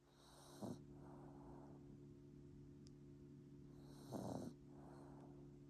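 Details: Sleeping Bichon Frise puppy: two short snorting snores about three and a half seconds apart over steady room hum; light snoring.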